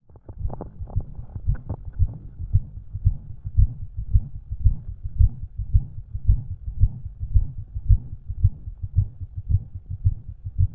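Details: Self-recorded resting heart sounds through a stethoscope with a murmur and an extra sound, possibly S4 (uncertain), present that day only and gone later the same day.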